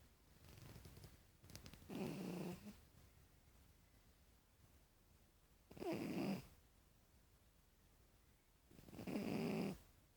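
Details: Sleeping cat snoring: soft, rough snores on each breath, about three every 10 seconds.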